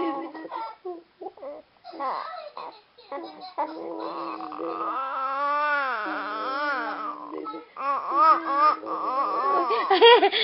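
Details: Baby crying: sustained rising and falling wails with fussy sobbing bursts while adults talk soothingly nearby; ordinary infant crying.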